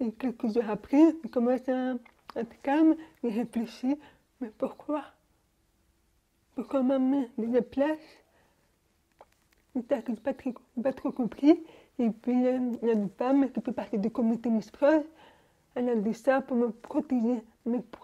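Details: Young woman born deaf, using hearing aids since birth and recently new hearing aids, speaking French orally while lip-reading; finding: speech of a person deaf from birth.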